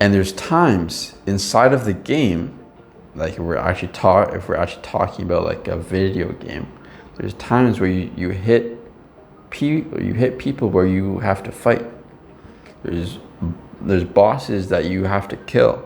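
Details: Stuttering in an adult man who no longer has severe blocks but still stutters or pauses at times, with word and phrase repetitions.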